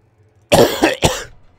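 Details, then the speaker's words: Adult man with a persistent cough that won't go away, recorded while talking during a video game session; a single harsh, two-part cough with a brief catch between bursts. "so I'm gonna be coughing quite a bit throughout the episode and I apologize for that because I know that that can be annoying"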